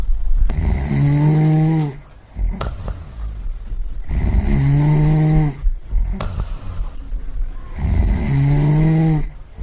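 Loud, rumbling, tonal snores on each in-breath, about 16 a minute, with quiet pauses between. Sound-effect recording of ordinary snoring.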